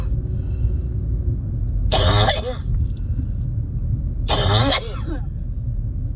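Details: Adult's cough with a spring cold, recorded while driving at night; two separate coughing bouts, each a burst of several rough coughs, over steady low road rumble from the moving car.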